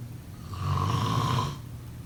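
A single low, vibrating snore lasting about a second over faint room noise: typical sleep snoring.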